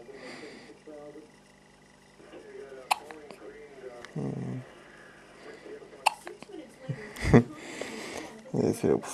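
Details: 7-day-old infant hiccups: quiet room, soft baby noises, three or four short jerky hiccup sounds at uneven intervals.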